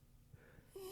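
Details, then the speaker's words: Pet dog asleep during a podcast recording: quiet, low snuffling breaths ending in a brief whistling nasal note; light snoring. "it's just like, you can hear your dog snoring. That's awesome."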